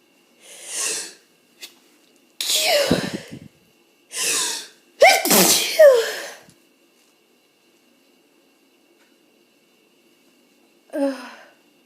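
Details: Someone with hay fever and possibly a starting cold: about five sharp, explosive sneezes with in-drawn breaths between, then quiet and a final sneeze; eyes streaming; sneezing.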